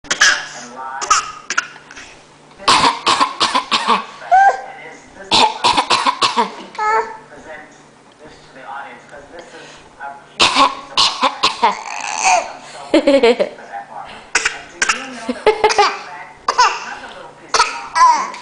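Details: 9-month-old infant girl fake coughing: short, deliberate cough-like bursts mixed with vocal sounds and babble, a playful voluntary cough.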